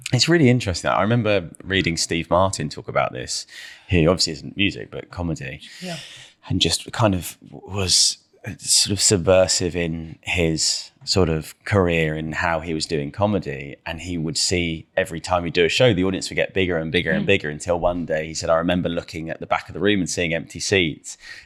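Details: Adult man; typical speech.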